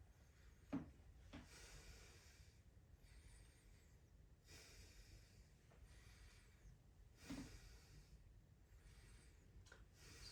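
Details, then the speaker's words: Stethoscope at the anterior chest, adult male: slow deep breaths with soft airy in-and-out sounds and a few handling clicks, no wheezes or crackles; symmetrical thorax; clear, normal breath sounds. "I don't hear any wheezing any crackles any Rai uh his lung sounds are clear in the anterior chest"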